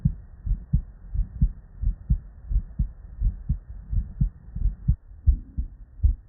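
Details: Real, unedited bedside human auscultation from a patient with normal cardiac physiology; regular low lub-dub at about 87 beats a minute with no added sounds: normal first and second heart sounds.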